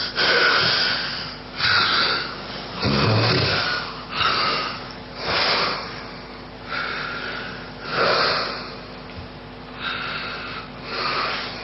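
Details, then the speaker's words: Snoring as a precursor of obstructive sleep apnea, with excess muscle relaxation partly blocking the airway while breathing continues: loud, rough snoring breaths, about 45 a minute, like catch-up breathing between apnea pauses. "Излишнее расслабление мышц этой области частично перекрывает дыхательные пути, но человек еще может дышать. Давайте посмотрим, как это выглядит и как ужасно это влияет на окружающих."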